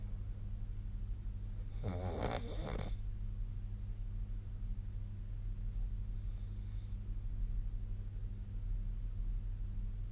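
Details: Sleep snoring recorded with the SnoreLab snoring app: one brief rattling snore, then a faint second breath, over a steady low room hum: snoring.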